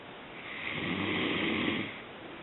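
A single harsh, rasping snore on one breath, building and then fading over about two seconds; snoring.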